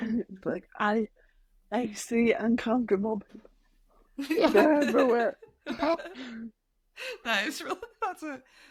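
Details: Adult woman with mild cerebral palsy, which she says mainly affects her speech and motor skills, speaking in a real podcast interview; dysarthria (cerebral palsy).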